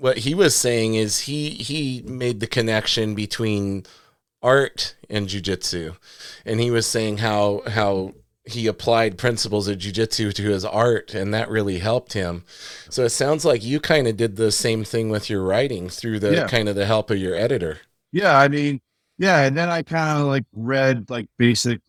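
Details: Adult male speakers in conversation; normal conversational speech.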